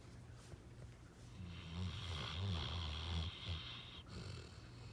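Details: Low rumbling snore noises in a soft, roughly rhythmic pattern over quiet room noise during sleep; snoring.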